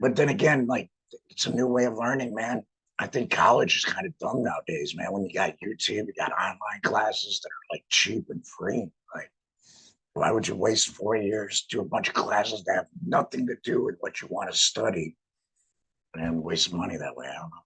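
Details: Adult male laryngectomee with no larynx, wearing an HME (heat and moisture exchanger) on his stoma; laryngectomy voice.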